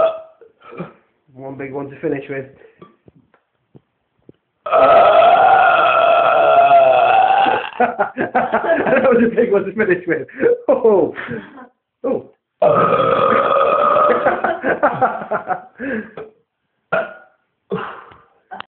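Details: Deliberate long, loud, drawn-out belches with shorter burps between, from a man after eating kebab and drinking cola; burping.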